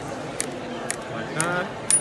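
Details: Storz SPINE-ACTOR shockwave (ESWT) applicator on the thoracic spine of an uninjured Olympic athlete with a tight thoracic spine, in extension at about 60 degrees to the joint: sharp, evenly spaced clicks about two per second over hissing.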